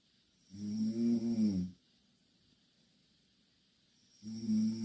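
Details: Two Korean girls sleeping in the same bed; two loud, buzzing, voiced snores separated by a quiet pause of a few seconds; ordinary heavy snoring.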